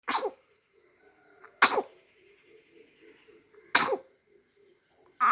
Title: our cutie is sneezing 😍😍